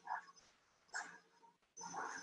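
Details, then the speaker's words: CW Doppler audio from a male patient with an ICD, about a month after VT ablation, who hears his own loud murmur and has had 3–4 weeks of breathlessness: repeated buzzing, symmetric rough-tonal bursts each beat; vibratory systolic murmur of mitral regurgitation. "not exactly musical rough but it uh when you look at the cw doctor you see it does have symmetry and all these little vibrations that have a similar frequency"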